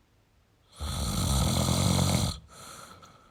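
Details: Male snoring: one long, loud, rattling snore on a breath in, followed by a softer breath out.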